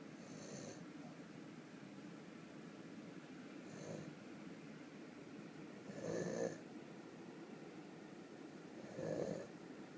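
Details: Sleeping donkey (burro) snoring: four soft, rasping snores, about one every three seconds, roughly 20 breaths a minute.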